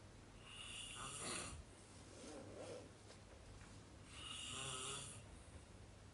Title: Hostel snoring